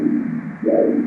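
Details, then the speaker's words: Penile color Doppler of a diabetic man with long-standing severe erectile dysfunction, after intracavernosal Trimix injection: soft, muffled whoosh with one faint pulsing swell; weak arterial flow, 8.7 measured where 35 is expected. "doppler filminde kan akımını görüyoruz Tabii zayıf atıyor"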